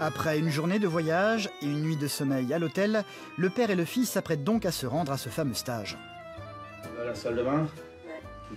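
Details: Adult male narrator; normal fluent speech.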